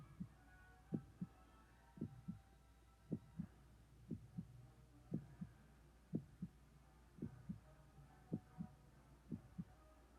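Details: Relaxation recording of a normal heartbeat: steady paired heart sounds at about 59 beats a minute, regular rhythm.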